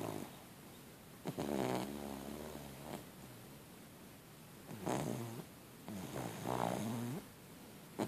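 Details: Pet named Zoe asleep: three rumbling, fluttering snores, each followed by a quiet pause, over steady low room hum; snoring.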